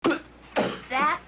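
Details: Three short, harsh cough bursts from an adult in quick succession, acted in a 1970s cough medicine commercial.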